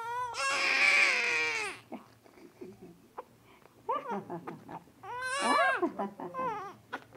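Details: An infant gives a long high-pitched wail, then quiet fussing sounds, then another strong cry burst: infant crying.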